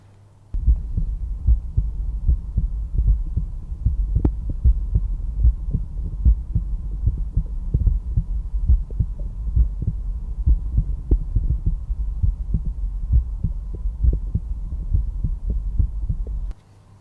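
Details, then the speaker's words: Stethoscope at the tricuspid area, fourth intercostal space left of the sternal border: normal heart sounds. "Now it's time to listen to the tricuspid valve. This is best heard over the 4th intercostal space left of the sternal border."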